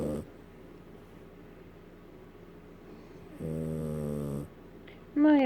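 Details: A small, worn-out border terrier snoring: a quiet room, then one low rattling snore lasting about a second, ending in a brief higher whine-like sound.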